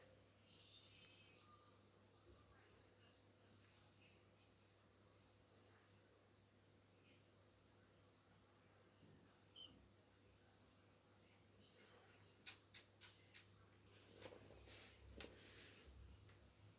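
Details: Faint, rhythmic, high-pitched clicks and squeaks with each breath from a pet canary that is puffed up, sneezing and coughing; the owner suspects air sac mites or a respiratory infection: wheezing and laboured breathing.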